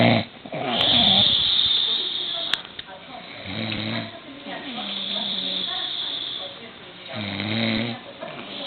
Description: man snoring , tell me how can you sleep with this ?